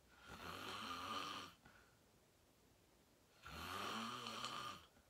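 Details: Self-recorded asleep, falling asleep fast at 8:45 into deep sleep: two long, rattling snores on breathing in with quiet pauses between; loud snoring.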